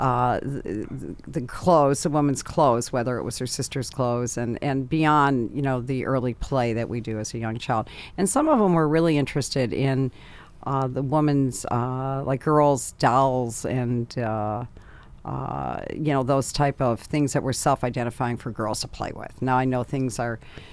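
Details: Adult speaker; ordinary speech.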